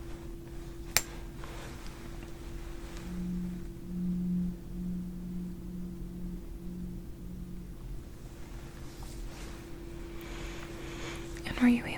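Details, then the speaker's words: Tuning fork struck once during a hearing and tinnitus check in a roleplay cranial nerve exam; it rings with a steady, pure hum. "a way that we do test it is by using a tuning fork sometimes the tuning fork can cause the tinnitus as it has a very similar sound but it's also a way to test your hearing"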